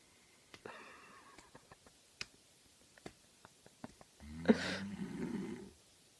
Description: My cousin snores so loud, I'm surprised me shmacking him 15 times didn't wake him up.